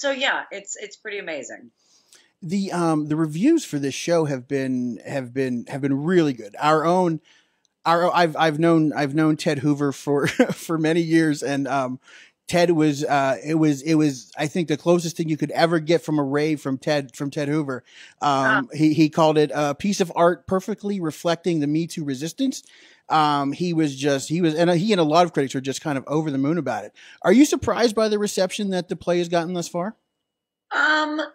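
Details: Adult male speaker; normal voice.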